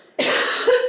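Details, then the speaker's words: An adult woman who is feeling unwell coughs; she says her cough sounds like an old man hacking. "I sound like an old man hacking every time I cough. No offense, but I do. That's what I sound like."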